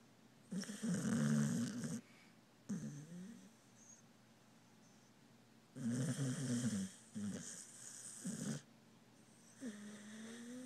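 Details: Snoring from Charlie, a sleeping dog: loud rattling snores, about two bursts in ten seconds, with softer whistling breaths between in a quiet room.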